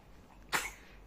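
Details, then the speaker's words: A single short, sharp cough from an infant who has a cough and cold, recorded in the evening. "Lagi batuk nih batuk pilek nih om tante nih kakak nih ya"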